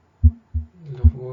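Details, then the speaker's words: Normal apical S1 at the mitral focus, auscultated with a stethoscope in a teaching class: two lub-dub cycles at about 75 a minute, normal cadence, first sound louder than the second. "lo voy a apuntar acá Loop d Loop dup y se escucha un poco más intenso el primer ruido que el segundo con la cadencia normal"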